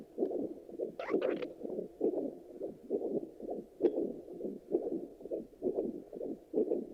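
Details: Handheld fetal Doppler check after delivery picks up rhythmic whooshing pulses at about 66 a minute; a steady, normal adult heartbeat.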